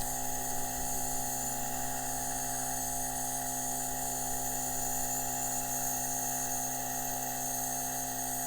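A steady, loud mechanical hum and whine with no pauses: a nebulizer compressor running during treatment.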